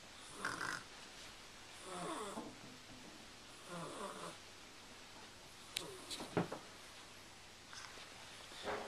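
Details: Snoring recorded with a Flip Video camcorder: soft rattling snores every couple of seconds in a quiet room, with a few small clicks between them; ordinary snoring.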